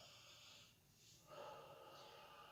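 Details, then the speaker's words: Seated patient during lung auscultation practice asked to breathe deeply through the mouth: airy breath noise, softer pause, then a louder drawn-in mouth breath; deep mouth breathing. "y vamos a darle pequeñas cosas para que pueda descansar por favor y realice una respiración honda por favor por la boca"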